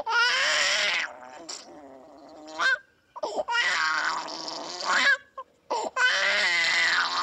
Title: Unhappy Baby Crying & Fussing Sound Effect